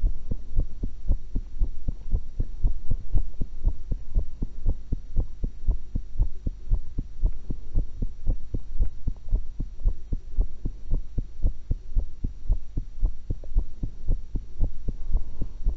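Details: Own heart recorded through a single stethoscope while eating, after one apple and one cucumber: steady, muffled heartbeat thumps at about 110–115 per minute under a constant hum, no clear added sounds; heartbeat.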